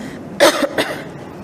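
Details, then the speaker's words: Two short, harsh cough bursts from an adult woman giving a religious lecture in a quiet room; she says that once the cough comes, it is hard to settle. "Ustazah kalau dah batuk memang kena berhenti ya tuan-puan."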